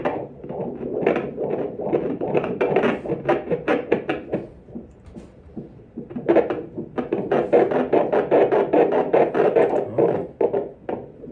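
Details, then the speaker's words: Fast, rhythmic whooshing pulses at 161 beats per minute on transabdominal Doppler ultrasound at 25-26 weeks of pregnancy, raised while the baby was moving but within normal; fetal heart sounds. "Okay, now we go then for the baby's heart rate. And heart rate is 161 beats per minute."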